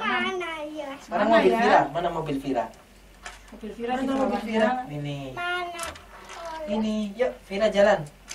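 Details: Adult female therapist speaking to a child; typical adult speech.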